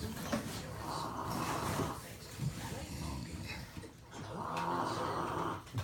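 Two long, rumbling snores drawn in on inhalation, with a quieter breath between them; ordinary snoring in a sleeping dog.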